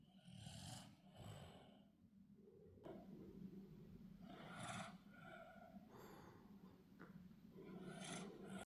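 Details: 22-month-old sleeping toddler: rough, rattling snores on each breath, breaths about every four seconds; snoring.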